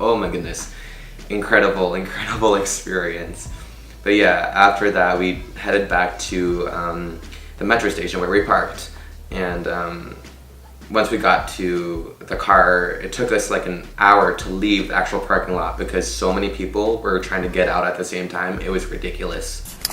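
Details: Adult speaker; ordinary speech.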